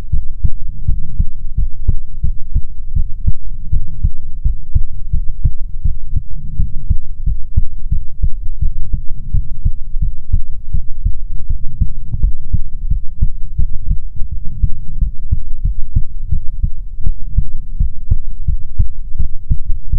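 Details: ASMR heartbeat recording: steady, deep, muffled thumping heartbeat throughout, heavily boosted and low-pitched, with a rumbling hum underneath; normal heartbeat.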